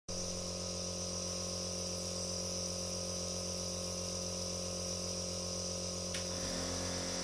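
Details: Nebulizer running in an ASMR music track: steady mechanical hum with hissing airflow as it delivers mist.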